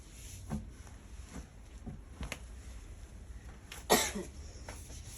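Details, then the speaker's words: Several short, soft coughs and one louder cough from an adult woman who says she often suffers congestion (head cold/catarrh) and asks for a remedy. "ഞാൻ ചുമയ്ക്കുമ്പോൾ നിങ്ങൾക്ക് അസ്വസ്ഥത ഉണ്ടെങ്കിൽ ഒന്നും തോന്നരുത് കേട്ടോ. നീർക്കെട്ടിന് വല്ല ഒറ്റമൂലിയുണ്ടോ?"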